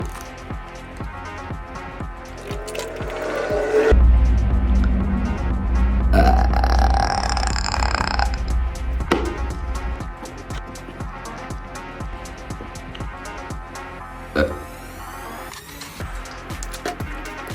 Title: coke burps